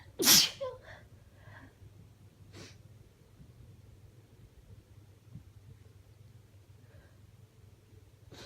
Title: Sick Sneezing (F) - Mostly stifled